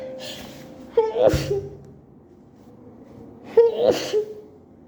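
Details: Sneezing fit from allergies, which began at work after exposure to a co-worker's bathroom: two explosive sneezes a few seconds apart, each with a sharp in-breath first, in a run of allergic sneezing.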